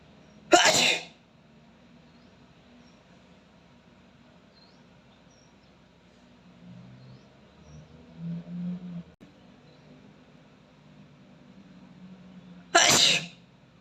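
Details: Two loud, sharp sneezes about twelve seconds apart from an Asian boy (male) with allergies, quiet room noise and faint movement between; sneezing.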